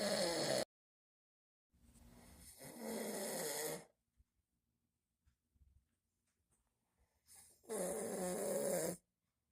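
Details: An adult man, the father, snoring in sleep: loud, rough, rattling snores on the in-breaths, separated by silent pauses; heavy snoring.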